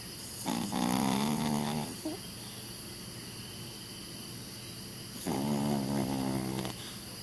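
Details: 12-year-old Chihuahua asleep beside its owner, snoring as it does every time it sleeps: two long, loud buzzing snores with a rough fluttering tone, separated by a quiet pause, over room hiss.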